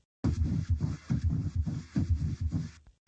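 Repeated rough, scratchy, scraping bursts over a low heartbeat rhythm at about 70 a minute: a pericardial friction rub.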